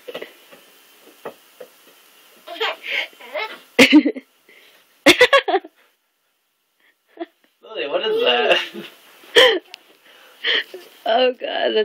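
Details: An infant girl makes playful fake sneezes, short sharp bursts of breath among babbling and adult voices, apparently imitating a parent who has a cold: imitated sneeze.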